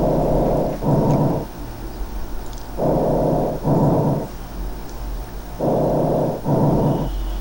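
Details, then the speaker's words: Harsh (rough) breathing heard over the apices, mid-lung hilar region and bases: loud, grainy breath sounds from turbulence in congested, irregular airways, an abnormal finding where flow should be laminar. "entonces se puede generar nuevamente turbulencia y a eso le llamamos respiración ruda que la percibimos en los ápex en la región pulmonar media"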